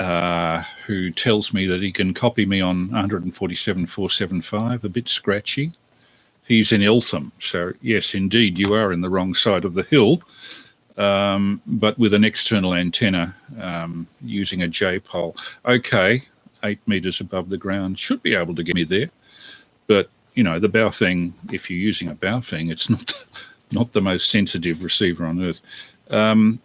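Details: Adult male speaker, radio broadcast; normal speech.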